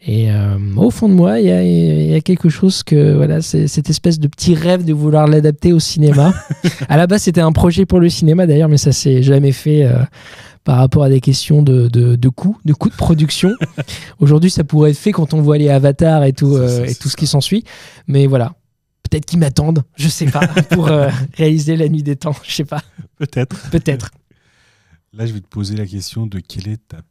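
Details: Mild stuttering in a 31-year-old man, reduced through much practice; part-word and whole-word repetitions audible.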